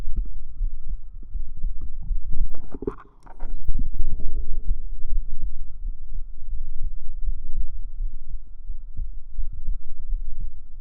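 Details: Real heartbeat recorded close against the chest with binaural microphones for ASMR: muffled, low, steady thumping, briefly broken by rustling and handling noise.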